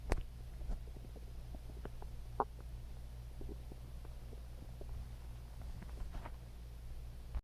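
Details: Low rumbling with scattered gurgles and clicks from the belly: ordinary stomach growling (borborygmi), a normal digestive sound.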